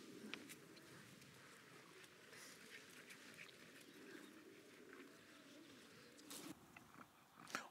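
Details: Female flat-faced dog after exercise, with narrow nostrils believed to be her main problem and likely secondary airway changes: continuous low, rough snorting stertor from labored, noisy upper-airway breathing, with a brief clatter at the end.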